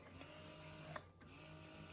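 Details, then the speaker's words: Bellababy electric breast pump running on a table, described as fairly loud with a whining noise; steady low motor hum with rhythmic mechanical cycling. "when you have it on the table oh no it's not gonna do it because i guess the pump pieces are not but when it's on the table it makes a louder whining noise"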